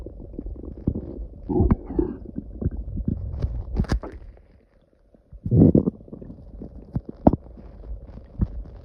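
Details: Loud gurgling and rumbling bursts from the belly with a brief silent gap; loud stomach growling (borborygmi) from gas and fluid moving through the gut.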